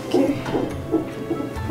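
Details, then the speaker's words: Rapid, rhythmic whooshing pulses at about 150 a minute from the first monitor sensor placed on a pregnant woman in an obstetric unit: normal fetal heart sounds on Doppler monitor. "Le premier capteur que je mets, c'est pour le cœur du bébé."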